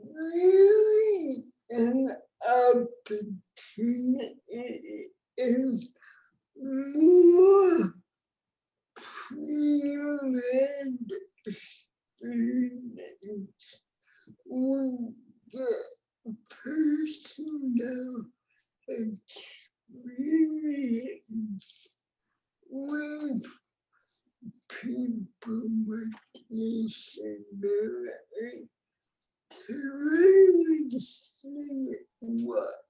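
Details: Adult woman with cerebral palsy, born before the ADA; no speech disorder is named explicitly; dysarthria (cerebral palsy).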